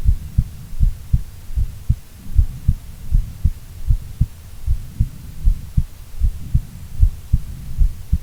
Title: Female Heartbeat Sound - Long File